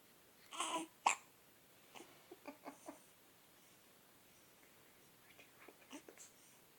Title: More baby hiccups